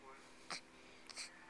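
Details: Newborn girl less than a day old with her first hiccups: two brief, soft, abrupt catches in breathing about half a second apart in a quiet room.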